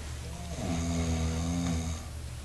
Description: This is my Brindle lab snoring.